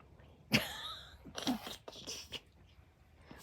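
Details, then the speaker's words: Cat repeatedly sneezing outdoors while sniffing around the yard, about three short, sharp sneezes in quick succession, a sneezing fit. "Oh, he just can't stop sneezing."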